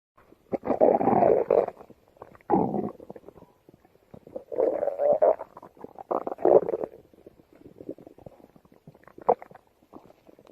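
Bursts of loud gurgling and squeaky growling sounds from the stomach, normal bowel sounds.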